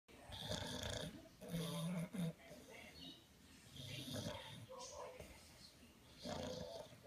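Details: Sleeping animal snoring: rough, rumbling breaths with snorting noises and low fluttering through the nose and throat.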